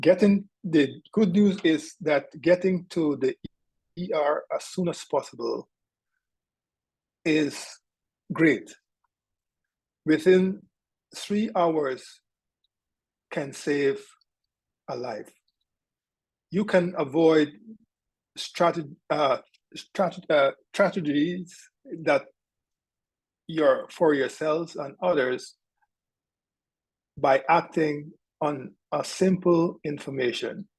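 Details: Aphasia in an adult male stroke survivor about two years after his stroke. He is speaking during a stroke-awareness presentation, and speech errors are attributed to his aphasia. Finding: aphasia.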